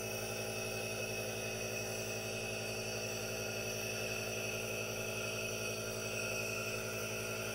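Steady mechanical hiss and hum of a running nebulizer, continuous with no breaks or voices.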